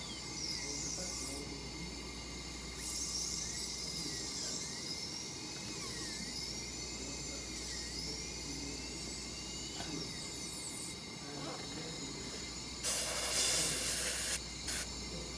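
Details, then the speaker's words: Class V (cervical) cavity preparation: a high-pitched dental drill whine with pitch sweeps and a louder burst near the end as an inverted cone bur cuts retention grooves along the occlusal and cervical walls. "so if we create a groove all around okay but it's a very aggressive world yes so you have to be very careful not to over cut okay"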